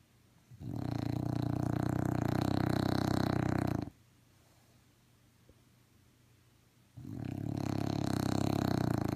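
Two long, deep rumbling snores separated by a quiet pause: steady snoring from a sleeping dog.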